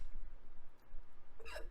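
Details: Hiccup during a live stream: a single sharp voiced catch at the end, a sudden involuntary gulp-like sound.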